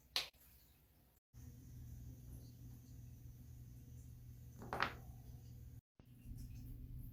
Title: loud back crack and more joints cracking compilation